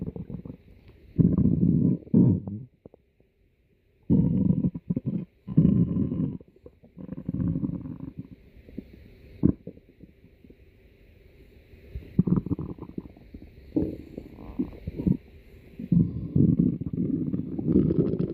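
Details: Pet's stomach growling, loud: low gurgling and rumbling bursts from the belly; ordinary borborygmi from gut movement.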